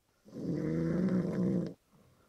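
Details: Snoring in a quiet car parked at a gas station after the engine was switched off, on the drive home from a festival: one long, loud, low rumbling inhaled snore lasting about 1.5 seconds.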